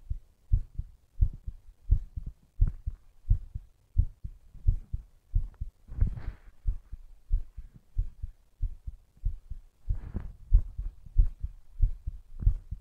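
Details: Strong, regular low heartbeat thumps about 92 per minute with occasional faint rustling; heartbeat.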